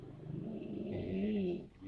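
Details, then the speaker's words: One long, loud, rough snore from a sleeping person who seems exhausted, with a deep rumbling, growl-like tone likened to a tiger's roar. "suara apa guys kayak suara harimau guys lagi mengaung aku baru tahu ini"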